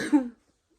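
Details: Cough from an adult with COVID-19 caught over Christmas, isolating, with back-of-head pain on bending.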